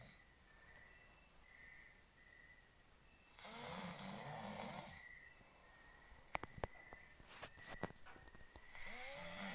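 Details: Adult man snoring while asleep: harsh, rattling snores on breathing in, with quiet pauses and a few clicks in a quiet room.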